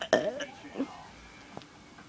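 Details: Person in a voluntary burping contest: one loud, low, voiced belch with a short trailing second burst, then quiet room noise; burping.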